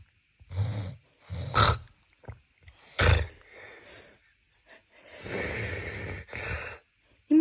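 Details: Sleeping man snoring, then woken by lemon juice as a prank: loud, rough snorts and a gasping, noisy waking breath. Snoring, then startled waking.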